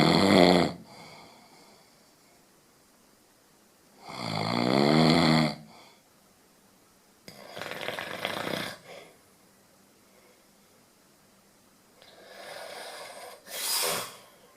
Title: The loudest snoring in the world ever